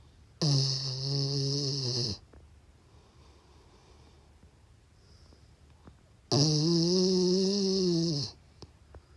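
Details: Sleeping Labrador snoring: two long, droning, buzzy snores about six seconds apart with quiet breathing between.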